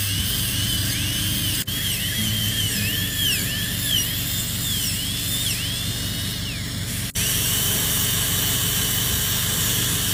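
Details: Dental drill during a composite restoration: steady high-pitched whine rising and falling as it works, over loud constant room and suction noise.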